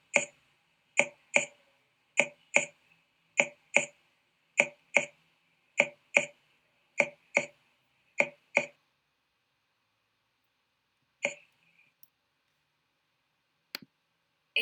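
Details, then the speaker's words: Percussion over aerated lung: fifteen crisp taps, mostly in regular pairs, each with a brief hollow ring, then faint taps; a normal resonant note, loud, low-pitched and prolonged. "Básicamente es un sonido de intensidad fuerte, tono bajo y duración prolongada, y se obtiene percutiendo el pulmón aireado."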